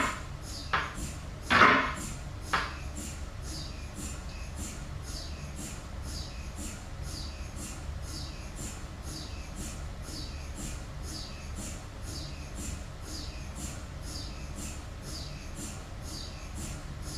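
A few loud knocks, then a steady rapid rhythmic knocking pattern over a constant hum: typical MRI scanner noise during imaging.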